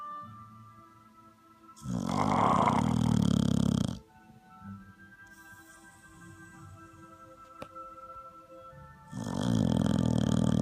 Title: Cute Pitbull snoring !!!!!!